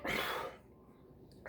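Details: Single sneeze, one abrupt, loud, hissing burst of air then a quiet room, after double-chugging two 12 oz cans of diet Dr Pepper with the stomach bloated by carbonation gas.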